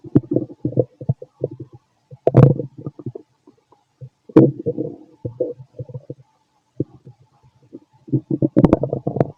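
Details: An adult male's stomach, recorded after lunch and a carton of milk, makes frequent low gurgling and rumbling bursts with short pauses; active normal bowel sounds.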